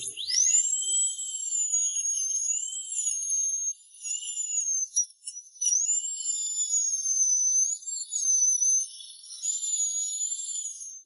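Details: Dental drill used after local anesthetic to remove decayed tissue from a tooth decayed to the nerve with inflammation, before root canal treatment: steady high-pitched whine rising and dipping with load; dental drill.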